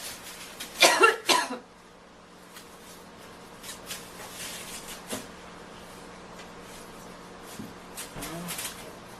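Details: Coughing fit in a girl who is feeling unwell and needs to blow her nose: a quick run of harsh coughs early, then quieter breathing and small sounds in a small room.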